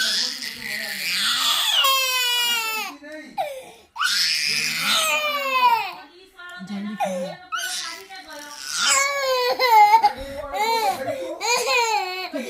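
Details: An infant being fed halwa cries loudly in repeated high-pitched wails and whimpers while an adult talks over it, trying to soothe the infant, in a small room.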